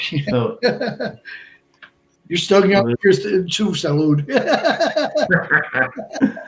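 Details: Man of about 57 with Broca's aphasia from a stroke on March 22, 2011 at age 46, more than 8 years post-stroke; also a heart transplant recipient.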